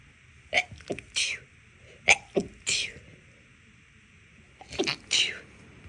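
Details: Three bouts of short, muffled sneezes, each a quick pair of held-back bursts, in a quiet room; stifled sneezing from nasal irritation after cleaning, blamed on dust and cleaning products though not allergic to either.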